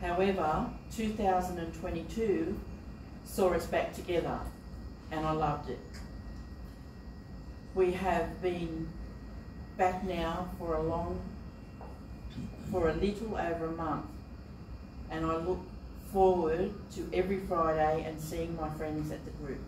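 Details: Adult woman living with aphasia for more than 3 years after strokes in 2019 and 2020, with trouble finding and naming words; aphasia.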